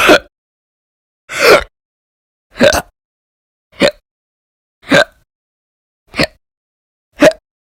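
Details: Run of loud, violent involuntary hiccups recorded March 2020: seven sharp, brief gulping bursts about a second apart against silence.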